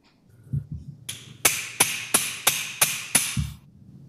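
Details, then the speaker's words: Sacroiliac joint fusion, posterolateral approach, under X-ray: six sharp, evenly spaced metallic taps about three a second as a mallet drives the joint finder into the SI joint; surgical mallet tapping. "you basically Mallet it in oops where's your X-ray there you go do you have a bigger Hammer"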